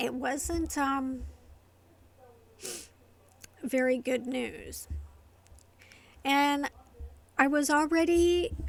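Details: Adult woman with familial essential tremor affecting the vocal cords, diagnosed by a movement-disorder neurologist, plus medication-induced tardive dyskinesia from long-term antipsychotic use; vocal tremor.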